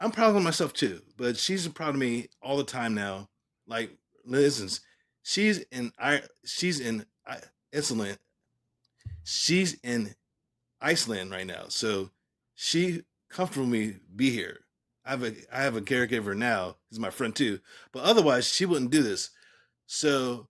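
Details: Real adult male stroke survivor, 3 years and 5 months after his stroke, who at first could not say the word aphasia and now talks clearly about what happened; post-stroke aphasia.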